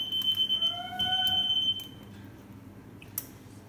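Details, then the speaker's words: A short burst of high electronic beeping from an apnoea alert monitoring breathing in Rosie, a whippet dog under light general anaesthesia for dental cleaning. "so that people you heard there's what's called the app alert so that's the thing that we use to try and check their check their breathing"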